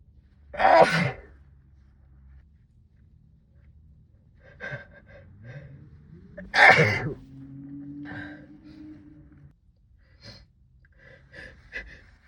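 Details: Two forceful sneezes, each with a sharp in-breath, muffled into a sleeve, with panting and sighing between, from a trimmed sixteen-minute sneezing fit brought on by cold weather.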